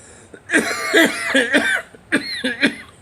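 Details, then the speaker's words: Adult man's coughing fit, about six harsh voiced coughs in quick succession with brief gasps between; he attributes it to long-term marijuana smoking, which he calls his medicine. Cough. "okay the coughing is just a side effect of the medicine I have to deal with it"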